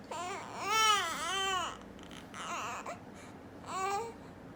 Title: Baby sneezing and crying